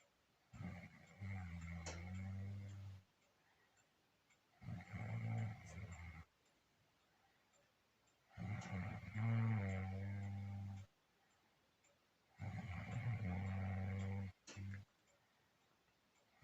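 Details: Husband's snoring during sleep: loud, deep rattling snores on each breath in, about 15 a minute, with quiet gaps between them.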